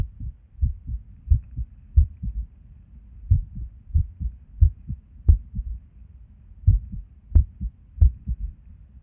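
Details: Resting heartbeat recorded at Erb's point while sitting at a desk, described as skippy lately: heart sounds about 90 a minute with uneven rhythm, pauses and early beats breaking the pattern, irregular heartbeat with skipped beats.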